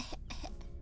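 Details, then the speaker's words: Single short cough in two quick bursts from a streamer who has been blowing her nose yet says she has felt pretty good so far; cough. "I don't know why I start out of coughing considering I have felt pretty good so far."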